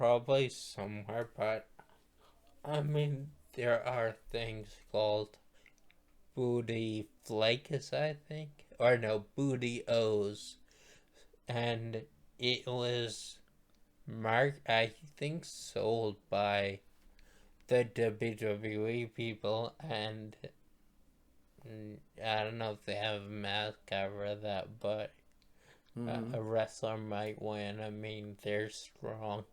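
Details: Male stroke survivor who attributes his voice to the stroke and mentions past brain surgery for a brain tumor; dysarthria after stroke.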